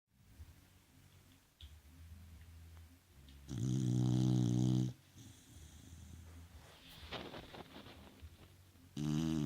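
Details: Beagle snoring in sleep: loud buzzing snores on in-breaths with softer snuffling between.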